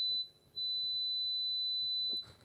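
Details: Audiometer pure tone.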